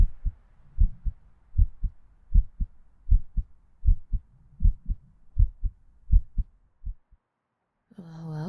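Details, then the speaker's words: Heartbeat recorded for a sleep-aid ASMR roleplay, presented as a woman's heartbeat heard while lying down close to the listener; normal heartbeat. "Yes, my heartbeat is much like yours, cutie. Demons and humans, we're really not that different."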